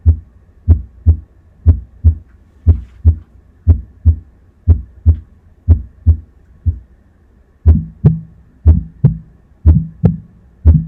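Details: Simulated heart sounds on an auscultation simulator at about 60 beats a minute: mitral stenosis (left atrioventricular orifice stenosis) with tricuspid regurgitation, with a snapping loud first sound at the apex, an opening snap, a diastolic rumble and a systolic murmur.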